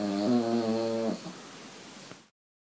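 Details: A sleeping Cavalier King Charles Spaniel that the owner says snores far too much and too loudly gives one loud, buzzing, low-pitched snore lasting about a second, then quiet breathing noise.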